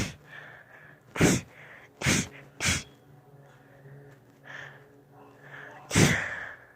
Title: Sneezing